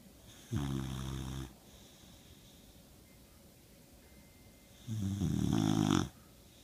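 Two long, low, rattling snores on the in-breath, separated by a quiet pause: ordinary snoring.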